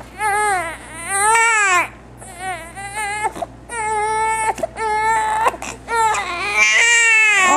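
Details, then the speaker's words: 6-week-old baby boy crying in a swing while fighting sleep: loud, rhythmic wailing cries in bursts with short breaths between; he eventually fell asleep. "why are you crying why why are you crying honey you need to see our face"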